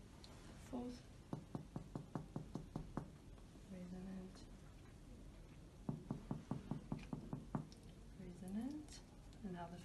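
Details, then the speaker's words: Chest percussion on adult in respiratory examination demonstration (2018), supraclavicular fossa then directly over clavicles, left to right: two runs of sharp, hollow finger taps with brief low voices between; resonant percussion note over lung. "so for percussion I will start in the supraclavicular fossa are always completely left to right resonant resonant and for the clavicle I will focus directly resonant resonance"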